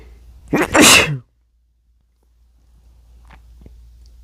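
One loud, explosive sneeze with a short in-breath before it, then quiet; a single sneeze.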